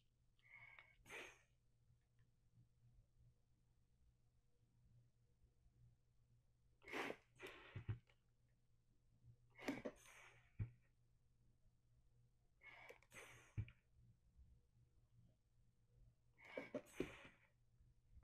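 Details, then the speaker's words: Bag-valve-mask ventilation on a mannequin with an EOlife monitor: five forceful whooshing bag squeezes with hissing valve release, about 17 a minute; device flags high frequency and excessive volume, too much air delivered. "high frequency, excessive volume. I'm blowing too much air into this patient right now. So, let's slow down."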